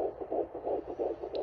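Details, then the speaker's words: Fetal heart sounds heard with a handheld Doppler probe and ultrasound gel on a pregnant patient's abdomen: fast, rhythmic whooshing pulses about 150–159 per minute, normal. "और patient के abdomen पर जब लगाकर सुनते हैं तो यह ऐसे साउंड करता है और ऐसे चलता है ओके यह अल्ट्रासाउंड जेली होती है जिसे लगाकर हम पेशेंट का एफएस बच्चे का फिटल हार्ट रेट सुनते हैं"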